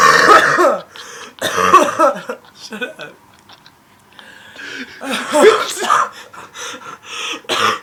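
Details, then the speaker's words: A long run of harsh, repeated coughs with throat-clearing and brief gaps, a prolonged coughing fit from a person who is sick. "all right so I was in class I was in class coughing like that and this this the there's like four people sitting in front of me like two and two and they don't even turn around"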